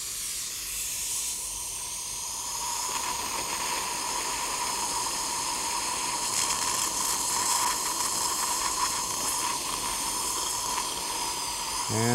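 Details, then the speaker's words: Steady hissing water spray of a dental syringe rinsing teeth, including a traumatically injured tooth, before acid etching for splint stabilization. "now we'll just rents out these teeth"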